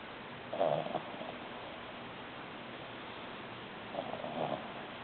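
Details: 3-month-old Ori-pei puppy snoring during sleep: two rough, rumbling breaths a few seconds apart in a quiet room.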